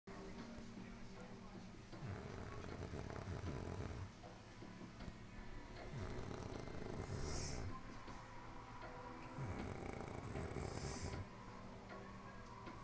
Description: SNORING LIKE A SLEEPING PIG.....